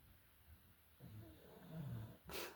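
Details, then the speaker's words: A sleeping female cat gives a low, rumbling snore on a single breath, followed by a brief rustling noise; cat snoring. "And here down here, we have the snoring kitty. There she is."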